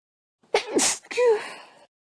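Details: A short in-breath followed by a single loud, explosive sneeze ending in a brief voiced trail.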